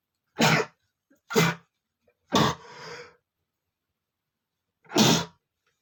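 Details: Male sneezing after tickling his nose with a feather: four sharp, explosive sneezes with short gaps between them and a brief sniff after the third.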